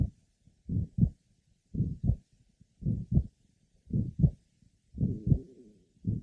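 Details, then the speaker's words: Patient with mitral valve prolapse and atrial septal defect, pulmonic area: regular heartbeat about 56/min, wide split second heart sound that stays split on expiration, plus a grade 3 mid-systolic murmur. "pul manic Area Wide splitting of the second heart sound is present it does not become closely split or single with expiration a grade three mid systolic merma is also present"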